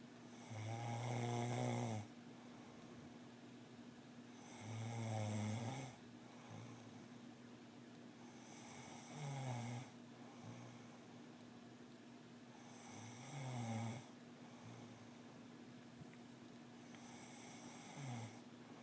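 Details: Steady loud snoring, about 15 breaths a minute, each inward breath a vibrating rumble, over a constant low room hum.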